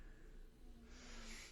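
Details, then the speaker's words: Snoring from a sleeping pug in the background of a room: a quiet low rumble, then a noisy, snorting inward breath. "So what we can do, you can probably hear my pug snoring in the background."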